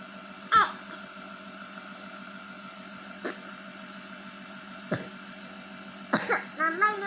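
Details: Child using a nebulizer for a cough, with breathlessness that recurs after swimming: several single coughs over the steady hum of the nebulizer machine; cough with breathlessness.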